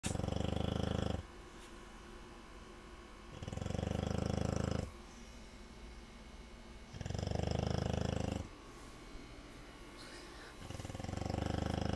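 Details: A 5-month-old American blue nose pit bull terrier puppy snores with deep, rumbling, regular snores on each breath in, about six breaths a minute; snoring.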